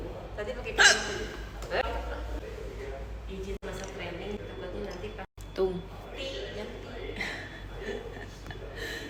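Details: Sharp, abrupt, catch-like hiccup sounds amid background chatter; hiccups.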